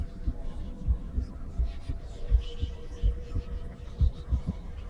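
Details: Woman's heartbeat heard through a stethoscope: soft paired thumps at about 80 beats a minute under a steady hum, a regular resting normal heartbeat.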